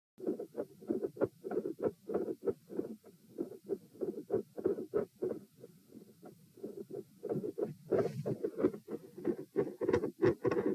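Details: Heart sounds recorded at position P while sitting, standing, then sitting again, rate 96-108-96 bpm; phasic S1 and S2 intensity changes with split S2.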